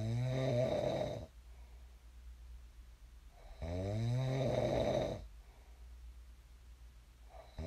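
Loud, rattling snores on each inward breath with quiet pauses between, about 16 breaths a minute; ordinary sleep snoring.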